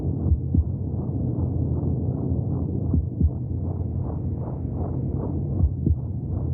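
Rapid, muffled rhythmic whooshing with a low rumble: heartbeat sounds heard from inside the womb.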